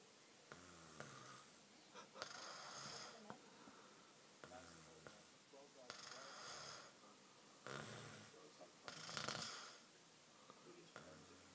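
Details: Sleeping adult man snoring, recorded on an iPad: irregular rough, raspy breaths with some whistling, snorting edges in an uneven pattern.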